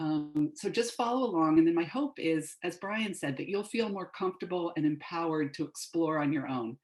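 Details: Adult woman, lecturer; Normal fluent speech.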